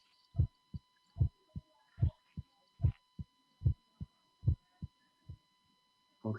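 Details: Normal first and second heart sounds.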